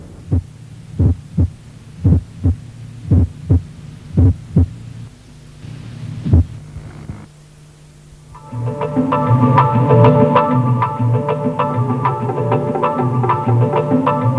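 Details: Widely split first heart sound (right bundle branch block).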